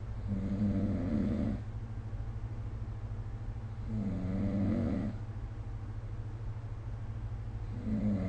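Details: Snoring recorded with the SnoreLab smartphone app: low, rough rattling bursts with each breath, about 15 a minute, over a steady background hum.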